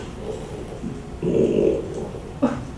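A low, guttural rumble of about half a second, then a brief short sound, from a flat-faced dog: a burp after eating.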